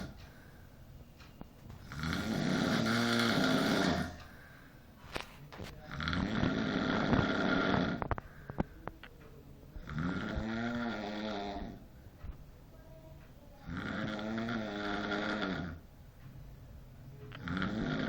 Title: Unbeatable snoring skills. :p